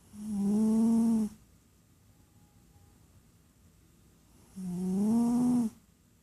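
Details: Ordinary snoring: two long, loud, tonal snores about four seconds apart, each a rising buzzing hum with a hiss, with quiet breathing between them.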